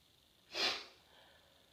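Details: A small sneeze: a single brief, hissing, airy burst in a quiet room.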